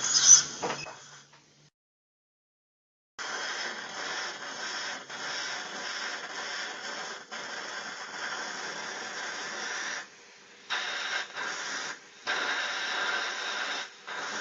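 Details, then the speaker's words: Guided dental implant surgery on a real adult female patient, upper jaw near the sinus: osteotomy begun with a 2.2 mm drill, steady high hissing whine in several runs with brief pauses; implant drill running. "we're going to start our osteotomy with the 2.2 drill guy to drill"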